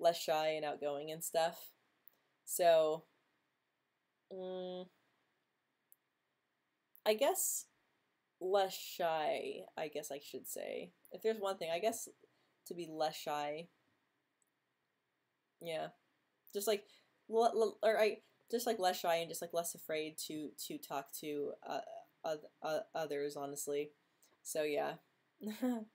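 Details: Female host who stutters; stuttering.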